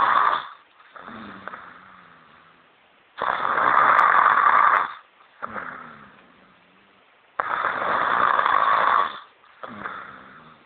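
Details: Adult woman snoring: loud, harsh, rattling breaths in a repeating in-and-out pattern, about three cycles in ten seconds.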